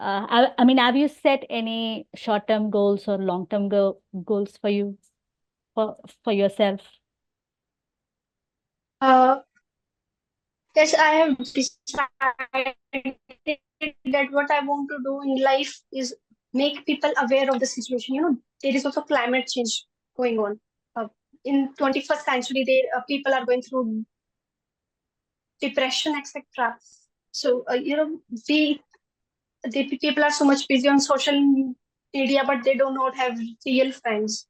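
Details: Stammering in a 20-year-old woman who stammers, reportedly more in public than with family.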